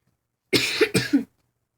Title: Small talk (Awkward silences and lots of coughing) | Random Vlog #8